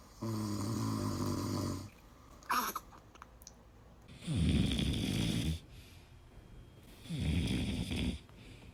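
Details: Three loud, rattling snores about three seconds apart, separated by quiet exhales and a brief click, played to frighten babies: typical adult snoring.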